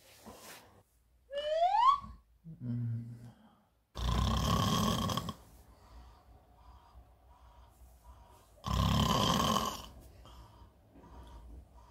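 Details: Simulated, acted comedy skit of a woman snoring in bed: two long, loud, rumbling snores a few seconds apart, with brief vocal sounds before them in a quiet room; snoring.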